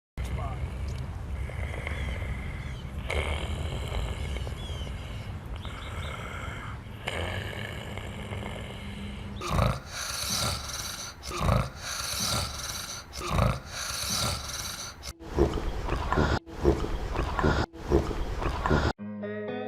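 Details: Unconscious patient with a pulse and spontaneous chest and abdominal breathing: coarse snoring from relaxed airway muscles and wet gurgling from pooled saliva after lost cough and swallow reflexes, heard with each breath; partial upper airway obstruction.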